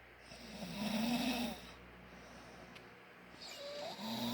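Two rough, buzzy inward snores separated by a quiet pause; ordinary snoring.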